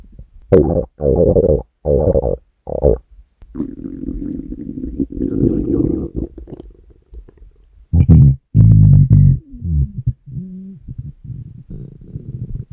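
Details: Hunger stomach growling (borborygmi): loud, long, deep growls and rumbles in repeated bursts with gurgling squeaks; a normal finding.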